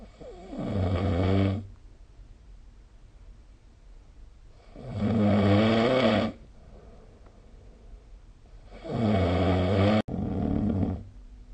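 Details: Snoring recorded with the SnoreLab app: loud, rattling snores on each breath in, three in about eleven seconds (roughly 14 a minute), with quiet breathing between.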